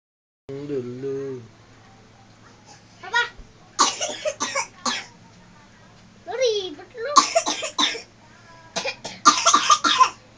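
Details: Child coughing: a child's voice, then several bursts of harsh coughing in clusters, with a loud hum in the room.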